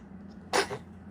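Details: A single short cough from a 3-month-old infant, whose 3-year-old sister then teaches cough manners, with low room noise around it; infant cough.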